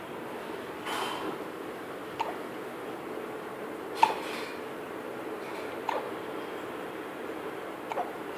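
Soft, brief catches repeating about every two seconds over steady room hiss, consistent with infant hiccups.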